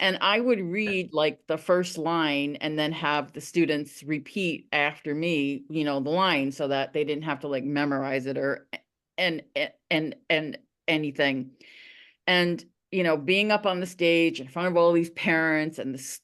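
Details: Adult veteran high school coach who stutters; stuttering.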